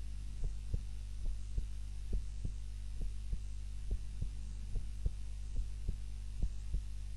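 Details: Own heart sounds recorded on a timer while napping, lying on the back (supine) rather than the usual face-down position: regular paired thumps, about 70 a minute, over a steady low hum; normal heart sounds.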